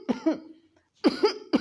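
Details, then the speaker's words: Adult imitating a closed-mouth cough from a tickling throat sensation, kept closed because cold air worsens the tickle: three short, muffled, voiced bursts; homoeopathic cough-type demonstration (Rumex). "तो इसकी वजह से वो मुंह बंद करके खांसता है, ऐसे करके"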